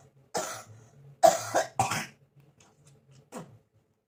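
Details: Four harsh cough bursts, the middle two close together, in a quiet room, in a person coughing for many days, on medicine, blaming hot-cold weather changes; a persistent cough with cold.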